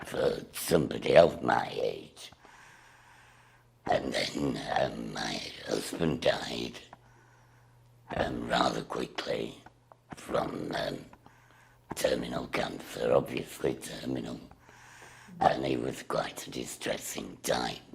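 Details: Woman with a total laryngectomy speaking through a voice device/valve; alaryngeal speech after total laryngectomy.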